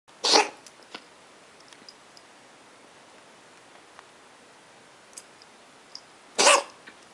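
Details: Dog named Sara gives two short, harsh coughs several seconds apart against a quiet background.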